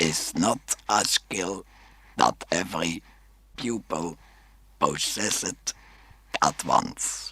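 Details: Adult male speaker after laryngectomy; electrolarynx speech.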